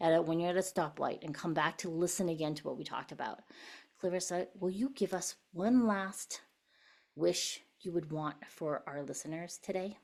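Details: Adult woman speaking; normal voice.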